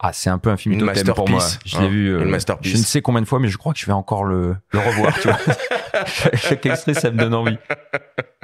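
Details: Adult male speaker; normal voice.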